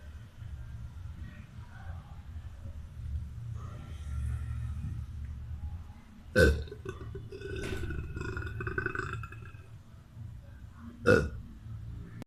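Two sharp burps several seconds apart, with a longer rumbling burp between them, over low room rumble.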